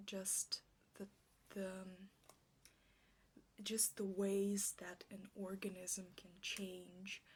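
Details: Stuttering with word repetitions in an ASMR roleplay by a speaker who states she stutters like this in real life.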